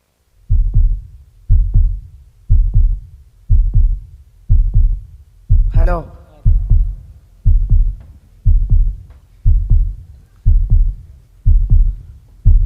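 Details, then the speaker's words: Heartbeat presented as a child's heartbeat: steady, regular rhythm at about 60 beats a minute, deep low thumps with a brief tone in the middle. "Do you hear it? That is the herbit of a child."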